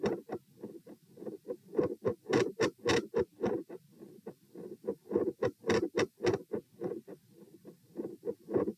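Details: Heart sounds recorded at position P while sitting, standing, then sitting, rate 96-108-96 bpm: rapid regular beats about 100 a minute, loudness waxing and waning, split second sound; phasic variation in S1 and S2 intensity with split S2.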